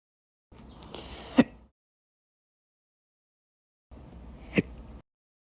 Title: 7/4/23 and 7/7/23, Slow Hiccups (Last Slow Hiccups Video on this channel)